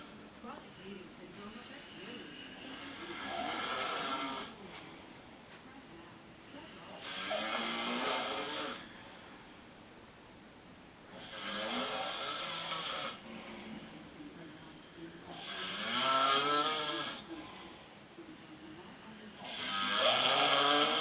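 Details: Drunk man snoring in the bathroom: slow, rasping snores, about 14 a minute, on breaths in, with quieter breaths out between; heavy snoring.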